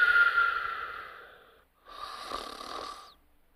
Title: Sparky Snoring and Whistling